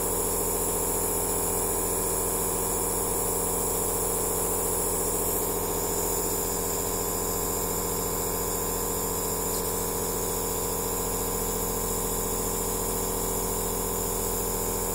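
Steady, unbroken buzzing hum with a fast mechanical vibration; a nebulizer compressor running.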